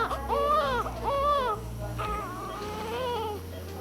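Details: Short, rising-and-falling wails from a newborn boy, one of twins, shortly after delivery, with soft room noise; an ordinary newborn cry.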